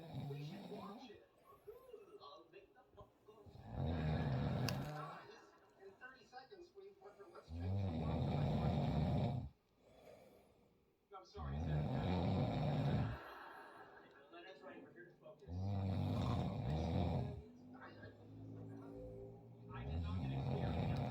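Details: Snoring from a sleeping wife, used as a stand-in for a diesel engine sound: loud, rough snores with each in-breath, about 15 a minute, separated by quiet out-breaths; ordinary heavy snoring.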